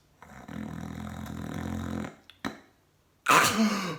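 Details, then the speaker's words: Simulated demonstration of gasping for air during sleep, as in sleep apnea: an imitated snore-like breath, then after a pause a sudden loud gasping inhalation. "so we're looking for the quality of snoring we're also looking for are you gasping for air and that would be something like this"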